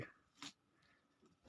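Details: A coughing goat in a pen: a single short, harsh cough burst against quiet pen noise.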